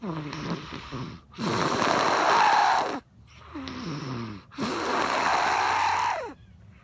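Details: Person snoring while asleep in a van, August 2015: loud rattling snores on each breath in, quieter whistling breaths out, about 19 breaths a minute; ordinary snoring.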